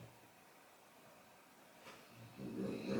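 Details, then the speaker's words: Dog asleep after a very long walk, snoring in the background of a quiet room: a brief, rough, low snort near the end. "that temperature, you might hear the dog snoring again in the background. She's been for a very long walk."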